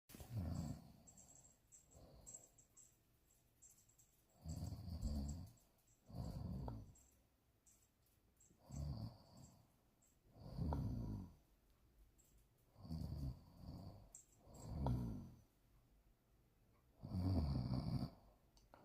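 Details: Grandmother snoring: deep, rumbling snores recurring about 14 a minute in a quiet room.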